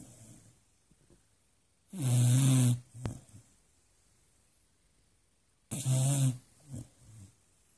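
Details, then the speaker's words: Sleeping Beagle dog, whose snoring kept the owner up all night, gives two loud, rattling snores a few seconds apart, each followed by a soft exhale; snoring. "this is kept me up all night long Jenny the Beagle is there anybody that has to endure a snora like this my God"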